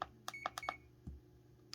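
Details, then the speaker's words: Several short electronic beeps, then a soft thud, as arrow keys set the continuous rate to 20 mg per hour on a CADD PCA pump for morphine prescriptions; infusion pump keypad beeps. "Le débit continu est de 20 mg par heure. Avec l'aide des flèches, on monte jusqu'à 20 mg par heure."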